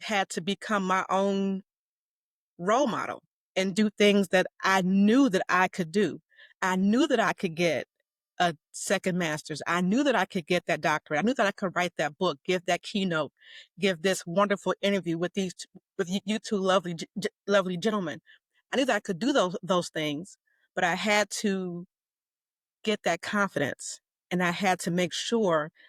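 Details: Stuttering in an adult woman, self-described as mild to moderate; a covert stutterer until 2018, now overt.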